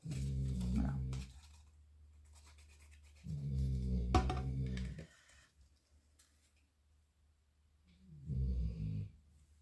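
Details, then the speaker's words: A dog that snores all the time, on the couch or beside its owner, gives three low, rumbling, fluttering snore bursts about a second each with quiet pauses between; snoring. "Mais ce chien mais ce chien s'il est pas sur le canapé à ronfler, il est à côté de moi à ronfler."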